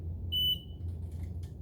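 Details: A single steady high-pitched electronic beep over low room hum from a PCA infusion pump being programmed (dose, lockout time, four-hour limit), prompting the next step.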